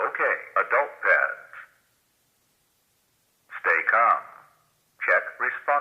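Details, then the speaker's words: ZOLL AED Plus demonstration on a mannequin with demo pads and rhythm simulator: recorded defibrillator voice prompts (unit OK, stay calm, check responsiveness) guiding a simulated rescue. "when i plug it in the aed plus recognizes the presence of a heart rhythm and begins analyzing it don't touch patient analyzing don't touch patient"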